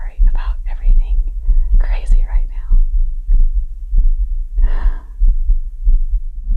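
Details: Adult's heartbeat recovering after yard work, recorded close-up for ASMR: steady low thumps about 94 a minute under soft whispering, slowing after exertion from about 120 BPM.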